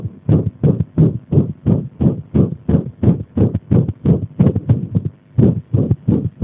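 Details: Arrhythmia deliberately induced by applying pressure: rapid, loud heart sounds with an uneven rhythm and a clear pause near the end, giving an irregular heartbeat.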